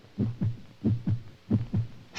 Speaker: this is the beat of a human heart